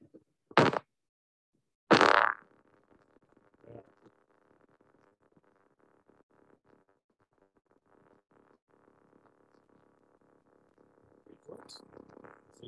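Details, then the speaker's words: Steady, machine-like buzz on needle EMG that starts and stops abruptly, with a fairly consistent firing rate and potentials unchanged in height and shape: a complex repetitive discharge. "so you're looking for it to start and stop suddenly and then if you actually cut it it's not the the firing rate is pretty kind of consistent"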